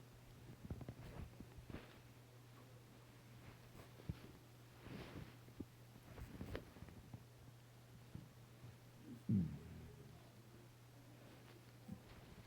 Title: stomach rumbles with air